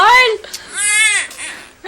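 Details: Twin baby boys crying: two loud, shrill, wavering infant cries in quick succession.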